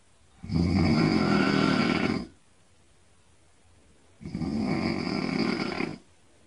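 Two long, harsh snores about two seconds apart with quiet pauses between; ordinary loud snoring.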